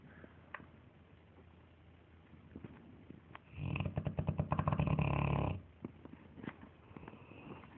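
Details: Sleeping Dogue de Bordeaux dogs snoring loudly: a short burst of rapid, rumbling, fluttering snorts against quiet breathing; snoring.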